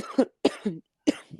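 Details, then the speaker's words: An adult self-described smoker gives three short, harsh, phlegmy coughs in quick succession while talking; smoker's cough. "Sorry, smoker's cough."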